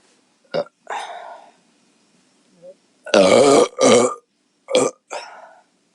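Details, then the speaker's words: Bloated woman burping after drinking lots of beer, with a run of several loud and smaller belches in quick succession and brief voiced sounds between them; she reports pressure relieved afterward. "Oh my God, it feels so much better. All those little burps, I thought, oh my God, am I not going to have a big burp? Because I feel like there's so much pressure, so thank God."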